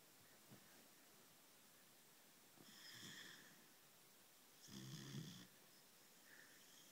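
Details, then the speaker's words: German Shepherd puppy snoring while asleep: soft, uneven snores, a few per minute, over quiet room hiss; plain snoring, no clear wheeze. "Lay it off, Bella. Keeping us awake. Hey, stop snoring."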